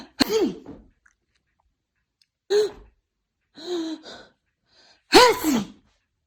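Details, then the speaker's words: Four deliberately faked sneezes from an adult owner with seasonal pollen allergies, each a sharp burst with a brief vocal sound a few seconds apart, done in front of a pet Husky. "Mama's okay Mama just allergy Mama's fine it's just allergy"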